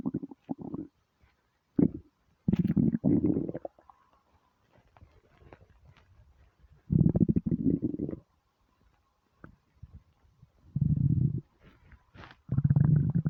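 Low gurgling rumbles in several long bursts with quiet gaps, typical stomach growling from hunger.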